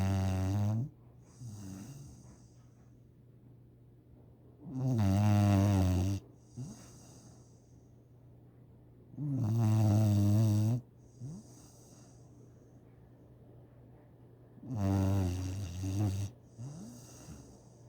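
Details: Loud, low, rattling snores about every five seconds, with softer snorts between them; steady snoring during sleep.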